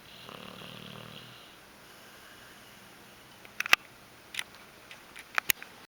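A single low, buzzing snore on the in-breath, then quiet room sounds and a few sharp clicks. Snoring.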